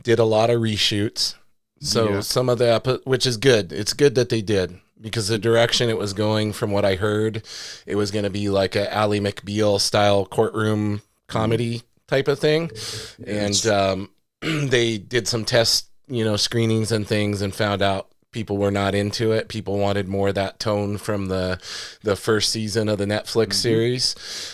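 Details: Adult male speaker; normal speech.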